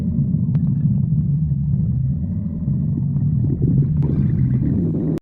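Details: Stomach growling (borborygmi): a continuous deep, low rumbling with faint bubbly, gurgling texture throughout.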